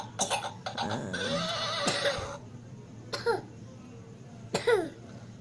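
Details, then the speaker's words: Young child coughing on purpose while excited: three or four short voiced coughs, fake rather than true coughing, with quiet room noise between. "Batuk bohongan nah."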